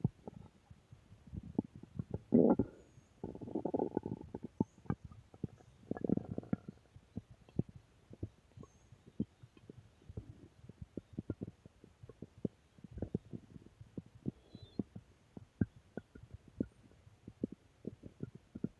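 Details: Ordinary stomach growling (borborygmi): gurgling, bubbling rumbles with scattered clicks and pops from the belly as gas and fluid move through the gut.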